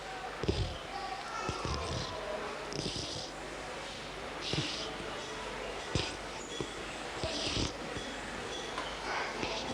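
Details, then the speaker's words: Young girl with a blocked nose: wet, snuffly noise on both breathing in and out. Judged not to be stridor or wheezing. "We heard a wet noise when was breathing in and out. Therefore, we decided that she did not have stridor or wheezing, but a blocked nose."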